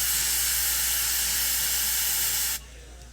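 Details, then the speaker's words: Dental cold test with Endo Ice refrigerant sprayed onto a Q-tip to check tooth response: a loud hiss of spray lasting about two and a half seconds. "We also use a cold test that's placed on your tooth. This is called endo ice. All we do is take a Q-tip, spray."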